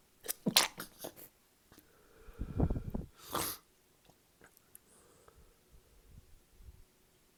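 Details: Drunk adult sneezing fit (paroxysmal sneezing): a quick run of sharp, noisy bursts ending in a loud, hissing sneeze, then quieter breathing in a small room; drinking often triggers these fits.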